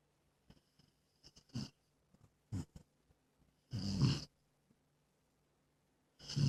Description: Jack/terminator mix has always been a snoring machine since she was a few months old